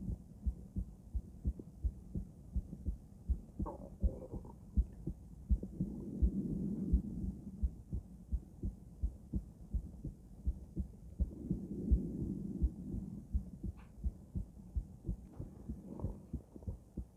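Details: Normal female heart sounds auscultated with various stethoscopes at Erb's point, mitral, tricuspid, aortic, then pulmonic areas: steady, regular heartbeat at about 85 beats a minute, with soft breaths between.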